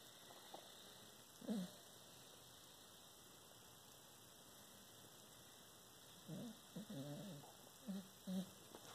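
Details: A sleeping dog dreaming and snoring: a few short, low snorts and muffled dream noises between quiet stretches.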